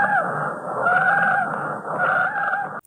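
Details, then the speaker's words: Wheezes: high-pitched, musical whistling sounds over the chest, produced by narrowing of the airways, as in asthma. "También hay silivancias, que son sonidos agudos semejantes a un silvido y se producen cuando existe un estrechamiento de las vías respiratorias, como ocurre en el asma."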